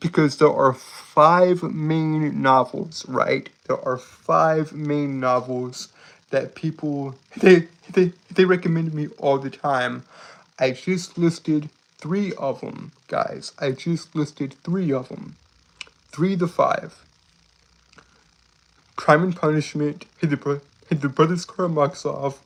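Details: Male streamer with a self-described speech impediment, calling himself stuttery and jittery, repeating words and part-phrases: stuttering-like disfluency.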